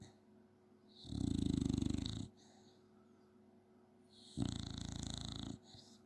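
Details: A 9-year-old black and white Staffy dog snoring in sleep: two long, rattling low snores about three seconds apart, with quiet breathing between; ordinary snoring.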